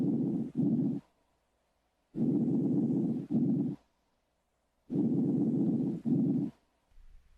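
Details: Vesicular breath sounds heard on chest auscultation during a thorax and lung examination.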